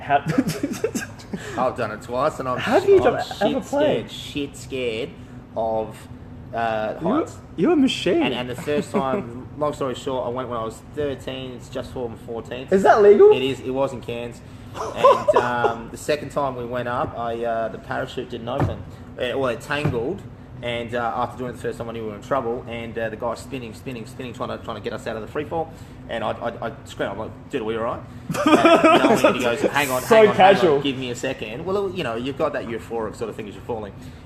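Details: Adult man speaking; conversational speech.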